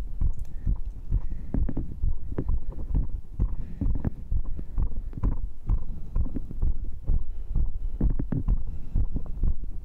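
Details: Person's own heart after the final workout round of dips, abs, diagonal pull-ups and arm curls, with heart rate reported at 132: rapid, strong, regular low thumps, a normal fast heartbeat after exercise.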